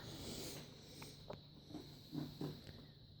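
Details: Five-day-old newborn makes short, abrupt, breathy catches, a few close together, fitting infant hiccups.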